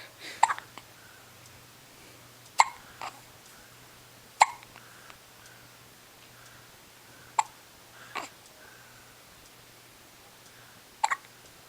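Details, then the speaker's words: 10-day-old baby girl with hiccups: brief, sharp catches in breathing recur at uneven intervals, about six in twelve seconds, and her whole body shakes with each; quiet room; infant hiccups. "Hiccup. More hiccups? So make him go away. Your whole body shakes when you hiccup, don't you, baby?"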